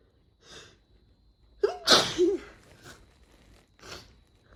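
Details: Hay fever sneezing fit after cutting grass, during a month of severe hay fever: a quick run of sneezes with sharp inward catches and forceful bursts, then breathy exhales; compiled from two sneeze attacks.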